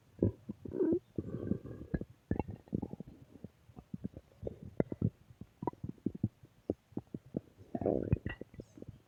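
Loud gurgling growls and bubbling pops coming in bursts, ordinary stomach growling.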